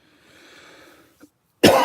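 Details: After quiet room noise, a single loud, abrupt cough bursts out from a person who feels lethargic and still has a cough weeks after COVID infection; a persistent post-COVID cough.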